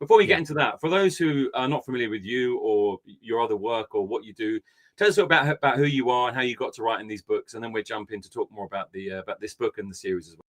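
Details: Adult man speaking; typical adult voice.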